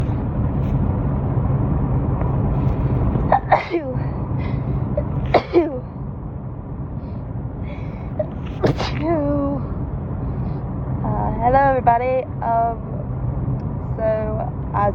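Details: Person recovering from a cold, still slightly stuffy, having a sudden fit of repeated sharp, explosive sneezes while driving, over steady car engine noise with voiced sounds between.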